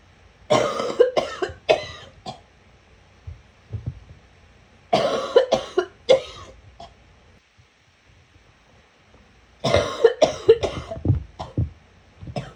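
Three bouts of harsh, retching coughs in rapid runs, each trailing off with throat-clearing; a gagging cough.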